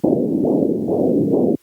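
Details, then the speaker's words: Fetal heartbeat on ultrasound Doppler: fast, rhythmic whooshing pulses at about 135 beats a minute. "first one heart beating through an ultrasound this is beating at 135 beats per minute which is how fast my daughter's heart was beating before my wife went into labor"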